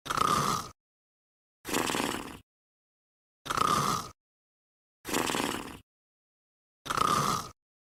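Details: Dog sleeping and snoring.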